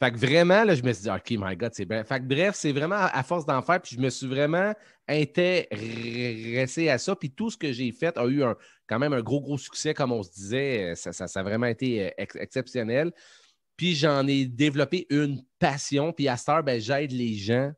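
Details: Self-reported stuttering in an adult man, who says he stutters quite a lot in real life and that it becomes more noticeable as the interview goes on; stuttering.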